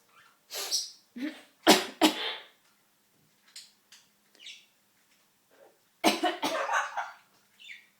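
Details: Harsh, explosive cough-like bursts in a quiet room from a 23-year-old Amazon parrot imitating a human cough; the bird and owner are not sick, so this is a mimicked cough.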